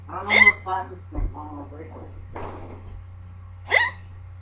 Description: they woulodnt go away.......yes...they are not normal hiccups? XDDD